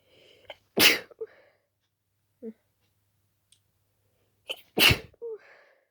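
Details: Person very allergic to dust, intensely itchy stuffy nose, trying to stifle some sneezes: two forceful wet sneezes with quick gasping inhales and small stifled sounds between; rapid allergic sneezing fit.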